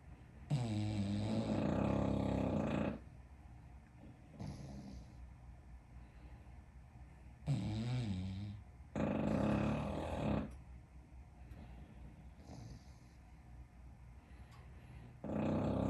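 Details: English Bulldogs sleeping in a living room: loud, rumbling snores with long rattling inhalations, about three to four per fifteen seconds, separated by quieter exhalations; snoring.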